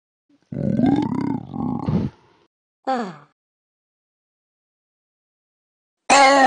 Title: Burp contest